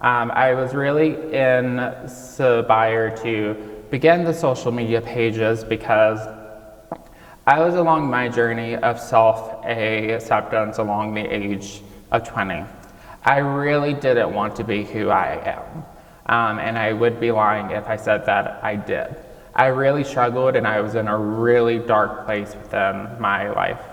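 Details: 26-year-old man with childhood apraxia of speech, nonspeaking until age 5 and diagnosed at age 5, treated with speech therapy five times a week; he says it may take him more time to say what he wants; childhood apraxia of speech.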